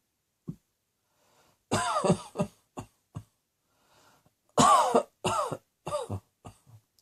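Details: Plain cough: two bouts of about five loud, voiced coughs each, starting strong and fading weaker, with a faint breath between bouts.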